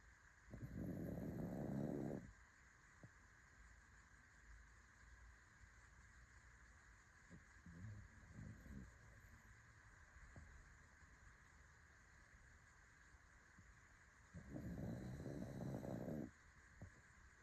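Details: A fawn pug snores: two loud, low, rattling snores about 14 seconds apart, with quieter snuffling breaths between them, over a steady background hum.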